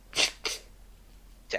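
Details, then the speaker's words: Deliberately induced sneezing by a streamer, trying to sneeze as loudly as possible into a microphone: quick breathy sneeze bursts, two close together and a third starting at the end; sneezing. "Io ce l'ho un modo per indurmi per indurmi allo starnuto ma dovrei mettermi un dito nel naso in cioè proprio molto profondamente"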